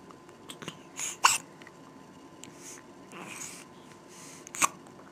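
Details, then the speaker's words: A girl with the hiccups: a few short, sharp, abrupt hiccup bursts several seconds apart over quiet room noise. "what are you doing really uhoh you got the [Music] hiccup uhoh they're silly little hiccups"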